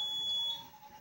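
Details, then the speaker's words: Hemodialysis machine alarm detecting an air bubble in the blood circuit during a patient's dialysis: steady high-pitched electronic tone; air passing the detector would reach the patient. "Cabe recordar que antes de resetear una máquina de modo continuar, es importante verificar qué tipo de alarma está presentando. En este caso, la máquina nos detecta burbuja de aire detectada."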